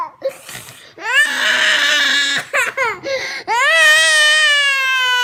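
Drawn-out, high-pitched wailing cries broken by short sobbing catches of breath in a small room; a young child crying.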